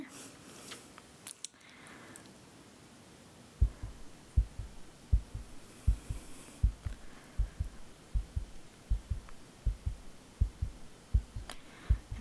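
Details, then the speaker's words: Roleplay ASMR heart checkup, simulated: faint, regular low heartbeat at about 80 beats a minute through a stethoscope on the chest after handling noise; normal rhythm without skipped beats; normal heart sounds. "your heartbeat seems normal it doesn't seem like it skips a beat it just seems like the normal Rhythm"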